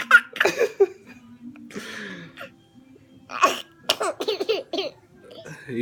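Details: A young child gives sneeze-like bursts while with her father, then a run of giggling laughter; an ordinary childhood sneeze.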